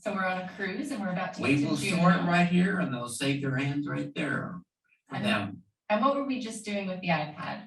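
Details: Adult man speaking; fluent (Wernicke's) aphasia.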